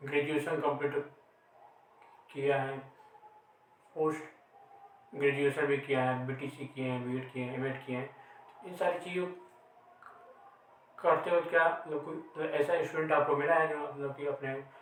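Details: Man who stammers, asking a question in a Hindi conversation about stammering, real speech with hesitations; stuttering.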